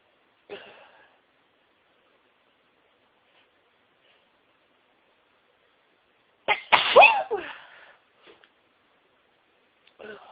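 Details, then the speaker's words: Sneeze during the biggest sneezing fit of a day spent sneezing at work: one forceful sneeze with a short build-up breath and a few faint gasps before and after. "Have a sneeze again. I've been sneezing all day, but this is the biggest fit I've had."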